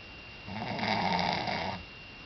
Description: Snoring!